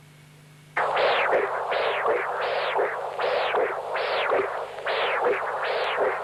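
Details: Pulsed-wave Doppler of severe tricuspid regurgitation in a patient with congenital severe tricuspid stenosis (valve area 0.9 cm², markedly enlarged right atrium): smooth rhythmic whooshes, about 80 a minute, from laminar backflow.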